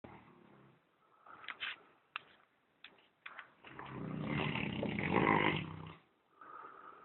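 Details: Saint Bernard dog snoring very loudly: snuffling breaths and clicks, then a long, loud, rough snore.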